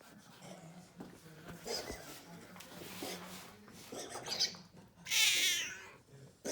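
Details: Dog recorded for the vet because it would not cough at the clinic: a series of harsh, raspy coughing bursts ending in one loud hacking cough; cough.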